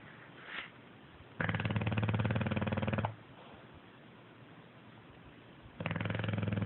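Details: Snoring during sleep: deep, rattling snores on each in-breath with quiet out-breaths between, about every four seconds, described as habitual.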